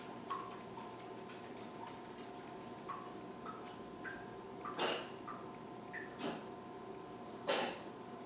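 Three short, sharp hissing bursts from a small animal in a quiet room, with faint squeaks and a steady background hum; animal sneezing.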